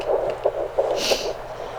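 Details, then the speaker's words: Fetal heartbeat during a second pregnancy, rate in the 160s, with a sibling listening; fast rhythmic whooshing pulses described as sounding really good. "it's okay that's your brother or sister that's the baby heartbeat do you hear there you go a that sounds really good"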